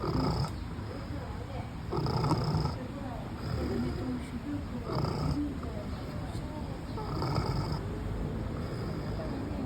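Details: Pig sleeping at Trias Hisayama, snoring: low, rumbling, grunting snores recurring every couple of seconds over background noise.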